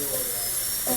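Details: Steady high-pitched whine of a high-speed dental drill cutting a Class II box preparation (amalgam/composite) on a maxillary premolar in a dental teaching course, with faint room noise; instructor stresses 90-degree margins.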